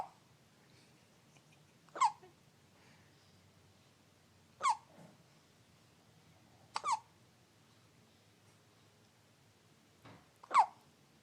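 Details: Infant girl's hiccups, which occur every time she eats: sharp, squeaky catches about every two to three seconds, four or five over eleven seconds, in a quiet room.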